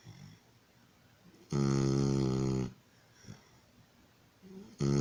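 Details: Loud, harsh, vibrating snore lasting about a second, followed by quiet breathing and the start of another snore; a puppy snoring in sleep after receiving vaccination shots at the vet.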